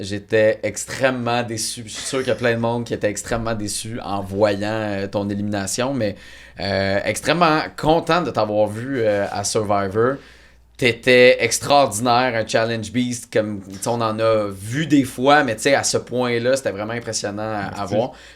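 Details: Adult male speaker; normal speech.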